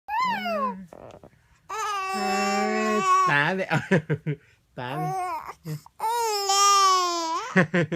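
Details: Sick 4-month-old baby cries while his father imitates the baby's sneezing sound: drawn-out rising and falling wails with sobbing catches, brief adult imitation audible.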